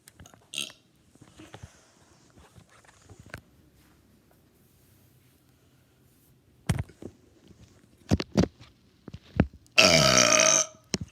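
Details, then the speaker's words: Person burping deliberately for a burping video: scattered short grunts and gulps, then one loud, sustained, rumbling belch lasting about a second. "Ooh, that stunk. Okay. That stunk too. Dang it."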